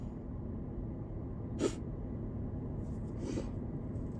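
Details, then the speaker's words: During allergy season, an adult with a scratchy voice makes a single brief, sharp sneeze-like burst, then a softer nasal sniff, over steady low room noise. "I'm sorry. I just sniffed up a little bit. I'm not editing this, so sorry, it's allergy season."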